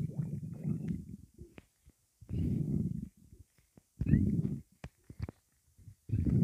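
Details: Stomach rumbling after drinking a Rockstar energy drink: loud, low gurgling rumbles in bursts with short pops between; ordinary borborygmi.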